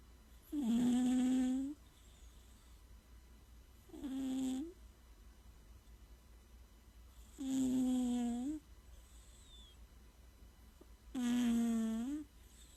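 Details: Sleeping cat snoring: four tonal, buzzy snores about every 3.5 seconds (about 17 a minute) over quiet room hiss; ordinary snoring.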